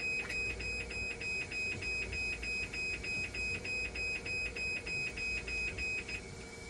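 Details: Hemodialysis machine alarm for high dialysate conductivity, heard during troubleshooting and calibration with a 90XL conductivity meter: rapid repeating high beeps, about 200 a minute, over a steady hum.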